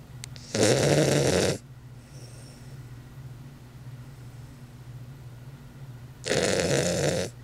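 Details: A sleeping Weimaraner gives two loud, rough, rattling snores about six seconds apart, each about a second long, with quiet breathing and low room hum between: dog snoring.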